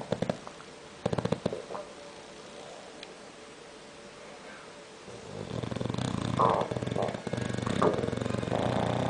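Clicks and quiet room noise, then a loud, rough, rattling snore-like breath in the second half: a bulldog snoring.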